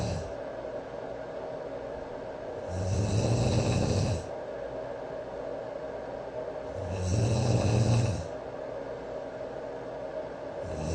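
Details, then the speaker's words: Adult man's snoring, recorded overnight by a sleep app before treatment; snores all night, with white-noise machine in background: two loud, low rumbling in-breath snores about four seconds apart, roughly 14 breaths a minute. "基本上整个晚上都在打呼啊。"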